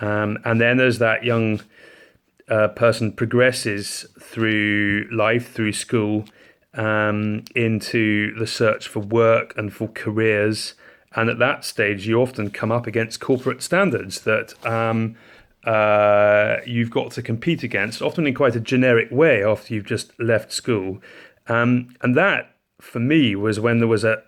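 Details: Adult man with a stammer involving low-level hesitation and occasional blocking, plus harder blocking driven by panic and anxiety; stammering (stuttering).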